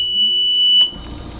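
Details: Invacare Perfecto oxygen concentrator switched on: a single loud, high-pitched electronic beep lasting under a second, then quiet machine running noise; power-on alarm beep.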